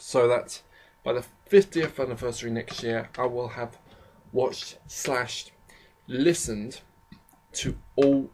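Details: Adult with a self-described slight stammering problem, shown as frequent stammers and pauses; stuttering.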